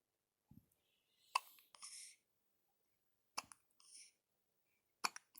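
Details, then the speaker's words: 1-week-old baby with hiccups: soft, sharp hiccup clicks, each followed by a small breath, about four in five seconds; newborn hiccups. "Hiccups. 1 week old today."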